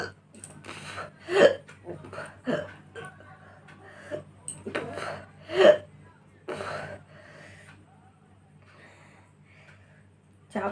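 Several abrupt, sharp voiced catches at irregular intervals in a quiet room, with faint low hum behind; sounds fit hiccups.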